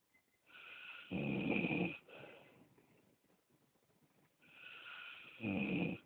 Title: Snoring(3)